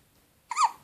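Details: Baby's hiccups, ongoing for about an hour: a single brief, sharp voiced squeak after quiet, fitting one infant hiccup.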